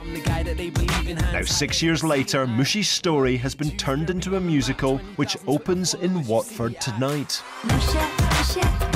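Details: Adult male news reporter; Normal fluent speech.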